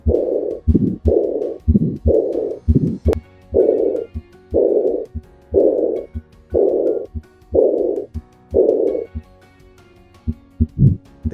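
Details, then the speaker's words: Simulated patient in VR auscultation training, with a murmur since childhood and prominent neck pulsations: heartbeat about 60 a minute, high-frequency diastolic decrescendo blowing murmur of aortic regurgitation, best at the lower left sternal edge. "this is the classic diastolic decrescendo murmur of aortic regurgitation the murmur is best heard at the lower left sternal edge"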